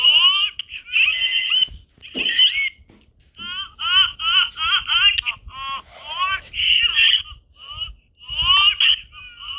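Loud, high-pitched, wavering cries in repeated bursts with brief gasping pauses: an infant crying hard.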